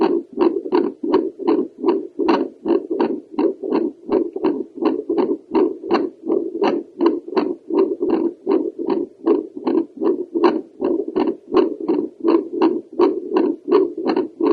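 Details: Doppler heart sounds from a female on a heart valve tour, with breathing manipulation: steady whooshing pulses at about 80 a minute, each a swishing surge with a sharp edge, from blood flow through a valve.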